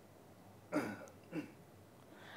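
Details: Throat clearing and cough after a water swallow test in a neurology speech and language therapy assessment; concern that the bolus may be entering the airway.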